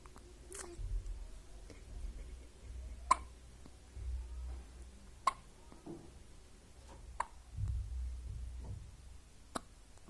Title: Newborn hiccups 😍